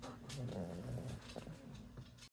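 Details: Older service dog with a heart condition, recently recovered from surgery for an abscessed tooth, snoring while sleeping on the back of a couch: rumbling, low, snorty breathing noises; ordinary snoring.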